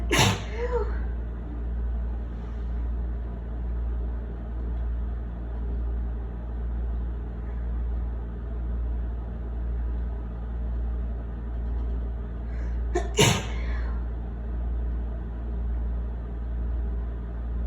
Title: Wet sneezes with breathy buildups